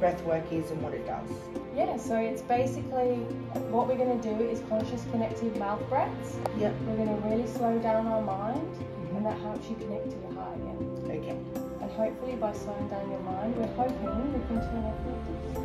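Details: Adult woman speaking; typical speech.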